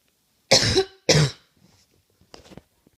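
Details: Two loud, harsh coughs in a row followed by quiet breathing; a plain cough.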